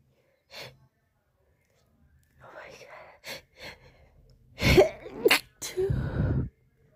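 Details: Sneezing fit tagged as allergies or hay fever: a quick run of sharp sneezes and breathy catches, ending in a loud voiced sneeze.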